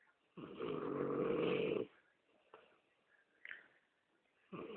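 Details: Man who denies snoring: one loud, rattling snore on an in-breath, then quiet breathing and faint snorts; ordinary snoring.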